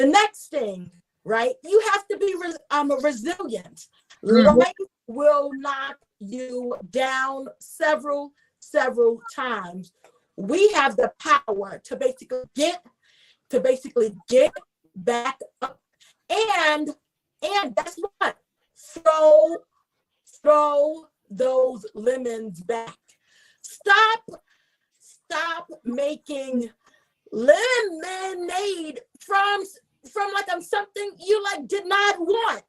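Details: Adult woman, a self-identified stutterer who is also a traumatic brain injury survivor, with stuttering: she gets stuck on words and repeats words.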